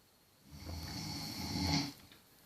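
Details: One long, low, rattling snore on a single breath, rising to its loudest near the end: snoring.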